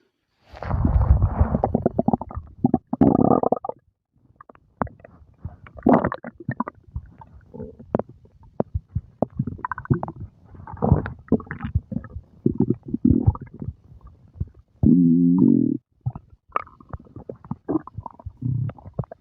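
Ongoing low rumbling and gurgling with bubbly pops and squeaks from an adult stomach after a meal; normal digestive bowel sounds.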